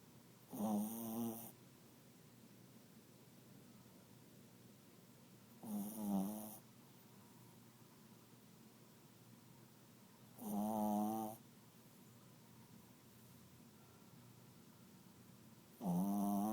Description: Roxy, a 10-lb terrier-chihuahua, snores louder than any dog ever.